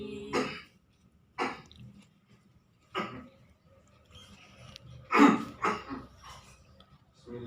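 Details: Cough from an imam leading congregational prayer: about six harsh, separate coughs and throat clears with quiet pauses between, interrupting his Quran recitation in a quiet room; a brief coughing fit.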